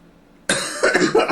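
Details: A really bad cough: silence, then a sudden harsh, rough cough with a throaty rattle lasting under a second.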